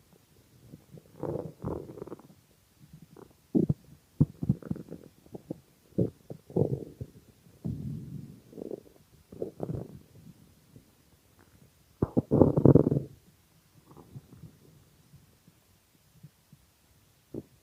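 Irregular gurgling and rumbling bowel sounds in bursts with quiet gaps, loud stomach growling from hunger.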